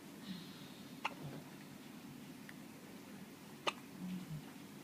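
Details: First hiccup episode, described as non-stop: two faint, sharp, brief clicks a few seconds apart over steady room hum; hiccups.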